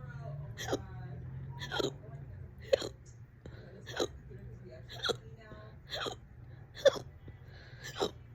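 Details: Fast, loud hiccups in a bout lasting about 30 minutes, on and off all day: eight sharp, voiced gulping catches of breath about once a second; ongoing hiccups.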